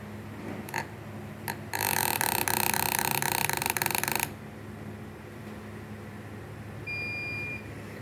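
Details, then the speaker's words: Brief motor whir as a dental implant is driven into a model during a preclinical demonstration, then it stops with a steady beep signalling the set maximum torque of 35 Ncm was reached: implant motor torque-limit beep. "you get this beep that means you have achieved the maximum torque that you have set it has reached 35 NCL and it has stopped"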